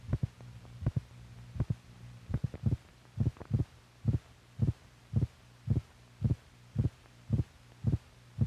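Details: Old (possibly 1950s) medical film for doctors recording heartbeats: regular paired low thumps about 110 a minute over a steady hum; normal heart sounds.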